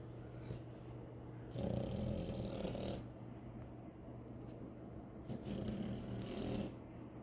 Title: frenchie snoring. #frenchiebulldog #puppy #dog #frenchbully #cutepuppy #bulldog #pet #frenchielife